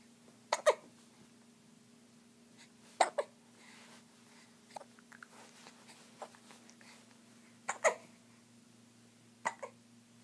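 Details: Short, abrupt catches of breath in small pairs, about five over ten seconds, over a steady background hum; hiccups.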